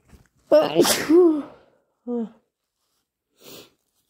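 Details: Deliberately induced morning sneeze from an itchy, slightly stuffy nose while recovering from a cold: one loud explosive sneeze with voiced build-up, then a short vocal sound and sniff; sneezing.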